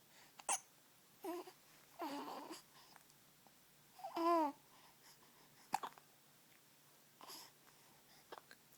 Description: Morning hiccups.